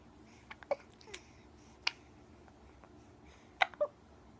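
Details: Several short, sharp hiccups among soft babbling and small vocal noises in a quiet room; annoying hiccups.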